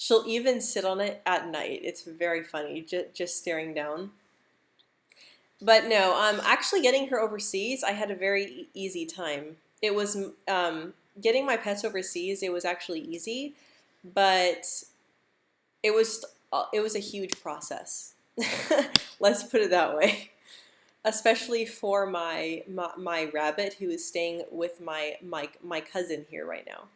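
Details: Adult woman who stutters, speaking during a live stream; stuttering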